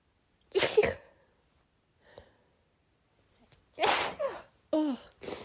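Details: Adult female, sneezing fit triggered by cold air: several sharp, explosive sneezes with quick breaths and sniffles between them.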